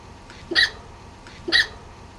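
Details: Adult woman with hiccups: two sharp, abrupt hiccup sounds about a second apart while she speaks; hiccups.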